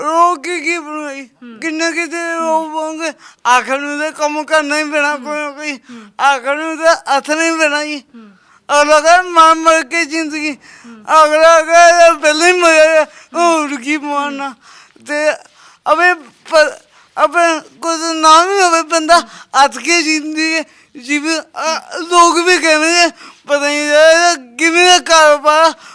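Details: Speech impairment with stammering and unclear articulation in a young Sikh man with a disabled hand; the problem has been present since birth.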